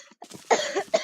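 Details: A sick gamer coughs while recording: two or three short, harsh cough bursts after a faint voice sound, a cough with an illness.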